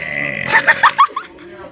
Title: My little Brother Burps So loud Part 5